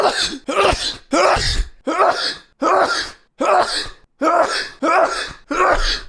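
Nine forceful, harsh throat-clearing bursts in quick succession, about 80 a minute; repeated throat clearing.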